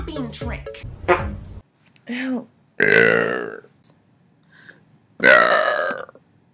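Several loud, drawn-out voiced belches separated by pauses, with brief music at the start.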